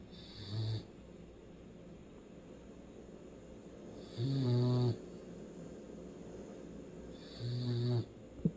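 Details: Bailey, a hound dog, snores while sleeping in three low, rumbling bursts about three seconds apart, roughly 18 breaths a minute.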